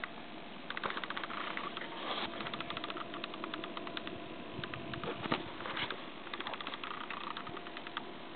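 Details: Guinea pig, possibly the most fearful of the group, grinding and chattering its teeth in bursts of rapid, sharp clicks over a steady fan hum.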